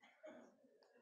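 A single short, fairly soft cough from an adult man with a cold, close to a throat clear, in a quiet room.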